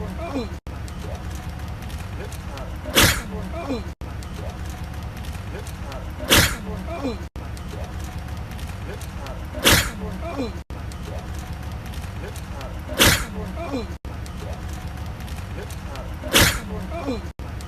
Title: sneezing for 2 minutes straight